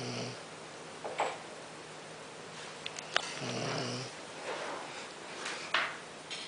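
Low, rattling snores come in two bursts a few seconds apart, with soft breath noise and small clicks between them: ordinary snoring.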